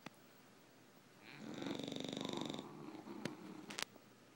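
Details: Two tired English bulldogs sleeping: a single rattling, fluttering snore on a breath in, then quiet room noise with a couple of small clicks.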